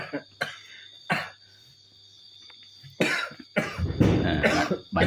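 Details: Adult in a comedy skit laughs until coughing: several sharp, harsh cough bursts running into a longer noisy coughing fit.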